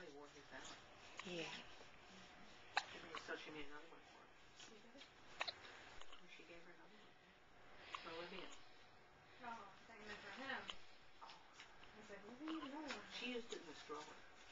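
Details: Hiccups: sharp, brief catches of breath recurring every few seconds, with adult conversation in the background.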